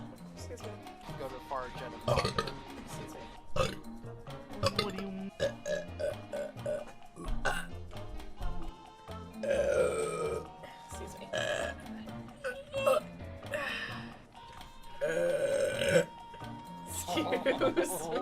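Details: Burping from a female streamer during live gameplay: short, repeated voiced belches mixed with talk and "excuse me" over game music and sound effects.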